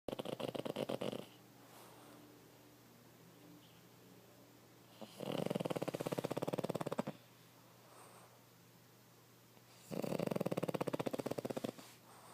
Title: Snoring Derp